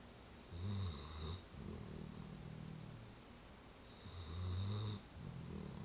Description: Brody sleeping on me and snoring away.